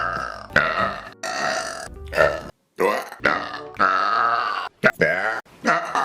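A run of loud, long, voiced belches with brief pauses between them; repeated burping.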